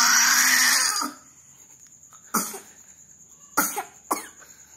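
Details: Loud strained vocal scream, then three short dry coughs after scream practice.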